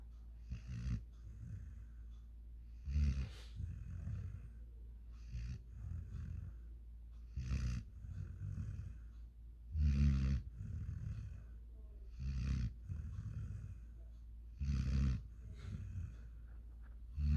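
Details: 5-month-old German Shepherd x African Boerboel dog snoring while asleep: low, rattling snores about every two and a half seconds, roughly 26 a minute.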